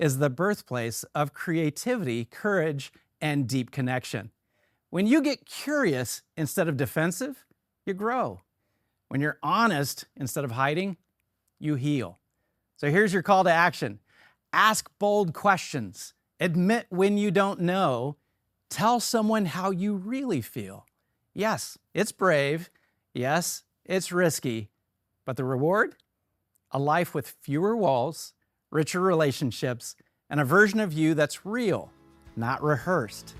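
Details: Adult speaker; normal speech.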